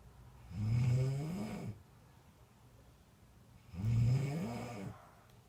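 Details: Heavy snoring: two long, deep, rattling, fluttering breaths about three seconds apart.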